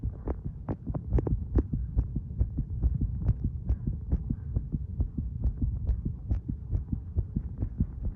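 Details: Heartbeat recorded while smoking: steady, quick low thumping with a soft hum underneath.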